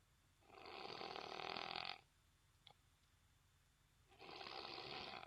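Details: Snoring at noon; two long rasping, fluttering snores about two seconds apart on breaths in, with near-silence between them.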